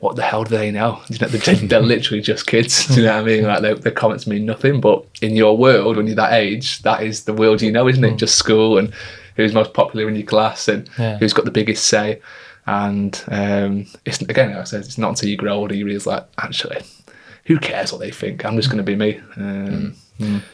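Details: Adult male speaker; typical speech.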